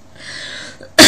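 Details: A brief breathy inhalation followed by a sudden loud burst, a sneeze from an adult with a cold.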